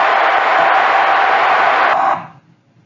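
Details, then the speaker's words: Deep brain stimulation microelectrode recording for movement disorders: dense waterfall-like hiss that swells in amplitude on entering the optic tract while a flashlight shines into the patient's eyes, then fades. "if you listen to it you'll hear when it gets through about here an increase in the uh overall amplitude of the activity and that's the entrance into the optic track with a flashlight faced into the patient's eyes"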